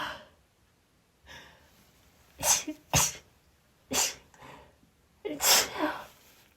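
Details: A woman's first time trying chhinkni sneeze snuff produces rapid sneezing with gasping and false starts: a quick run of four sharp, explosive sneezes, some preceded by a soft breath in.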